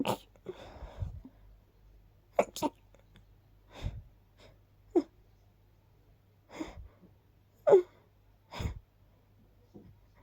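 A run of about eight quiet, quick little sneezes, short sharp bursts a second or so apart, in a quiet room.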